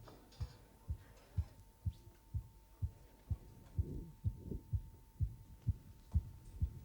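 Steady, regular low thumps at about 120–125 per minute, several hearts amplified together and beating nearly in unison over a faint hum; normal heartbeats.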